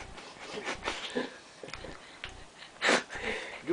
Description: Benji the boxer puppy snoring. He is 6 months old in this video